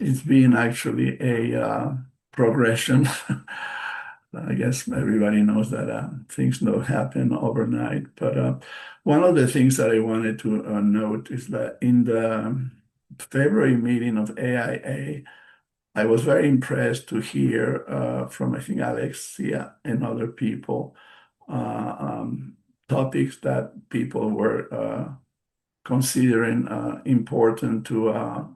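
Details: Post-stroke aphasia in an adult male bilingual psychotherapist, present since his stroke in March 2020; aphasia.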